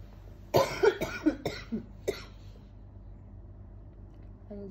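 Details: Child with high fever, delirium and phlegm, on medication to clear the lungs: a run of about five quick, moist coughs, then quiet room noise.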